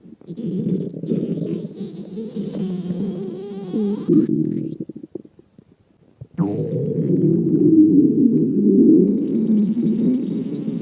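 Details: Loud, long gurgling rumbles with a bubbling texture, a brief pause, then more rumbling: stomach growling, ordinary bowel sounds (borborygmi).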